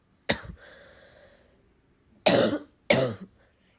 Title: deep barking cough